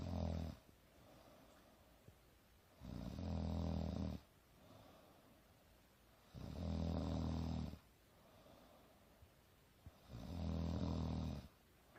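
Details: Adult woman (mother) snoring during a nap on the couch, alternating loud and softer: deep, loud, fluttering snores alternating with quieter breaths, about 17 breath cycles a minute, in a quiet room.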